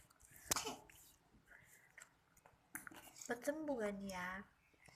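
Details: Cough in a fussy young child with a cold and runny nose: a single sharp cough, then soft sniffles and a whiny fussy cry.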